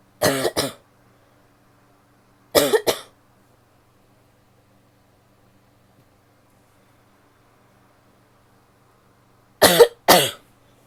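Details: Three bouts of paired coughs, six short, voiced, fairly dry coughs with quiet pauses, from a woman; ordinary cough.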